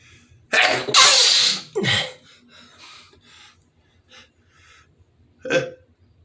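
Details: A man sneezing: a loud explosive sneeze with a sharp intake before it, followed by quieter breaths and one smaller burst.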